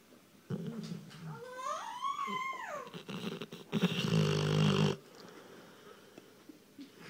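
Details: Rottweiler snoring: a soft rising-falling whine, then one loud, rough, rattling snore lasting about a second, over quiet room noise; phone recording.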